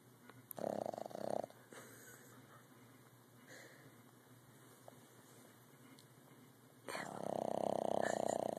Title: snoring.